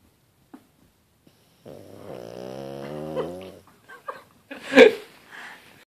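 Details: Gigi, a Puggle dog, sleeping on the couch; in a quiet room one drawn-out nasal groaning breath, then short snorts: snore-like sleeping noise.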